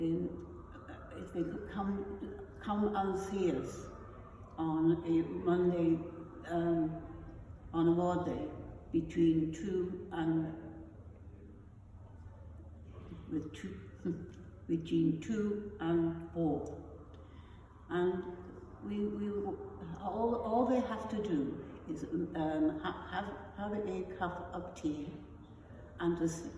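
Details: Non-fluent aphasia after a stroke in an adult woman, initially mute, with rare foreign accent syndrome (Russian, then East European, then German accent); non-fluent aphasia with foreign accent syndrome.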